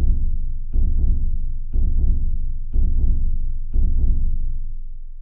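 Deep, regular lub-dub heartbeats at about 60 per minute, with a slow, unhurried rhythm.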